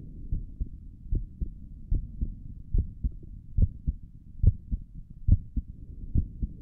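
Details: Normal heart sounds recorded through a stethoscope on own chest for ASMR, stomach gurgles noted elsewhere in the recording: steady, regular soft heartbeat thumps at about 70 beats a minute.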